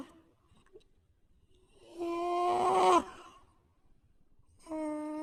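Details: A sleeping puppy, tagged Jack Russell terrier / Chihuahua, makes a tonal, whistling breath sound and then a second, shorter whistle, consistent with wheezing.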